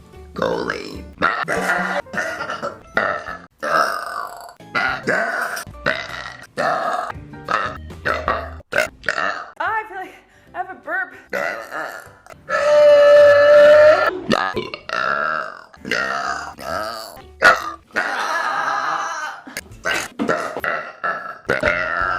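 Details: Woman burping: voiced sounds over background music, including a loud sustained burp in the middle among shorter vocal sounds; burping.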